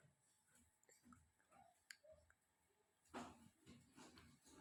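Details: Quiet room with a younger sibling's short, harsh cough burst followed by a couple of weaker coughs; child coughing.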